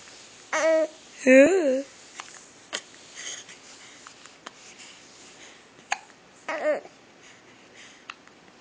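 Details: Infant talking and babbling through hiccups: short, sharp, abrupt voiced catches recurring every few seconds.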